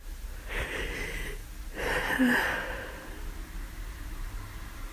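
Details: Woman with flu and a constantly itchy nose gives two forceful, noisy sneezes; repeated sneezing during influenza.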